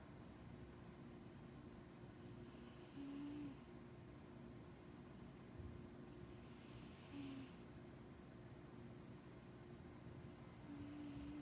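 A sleeping cat snores in slow, rhythmic breaths, about 15 a minute, each with a rough rattle, over a steady low room hum.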